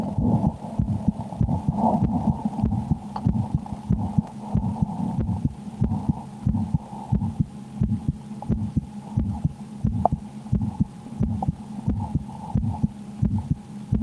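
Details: Own heartbeat heard through a stethoscope while playing the horror game Slender: The 8 Pages, said to change with extreme fear. Steady beat at about 88 per minute with a faint hum; normal heart sounds.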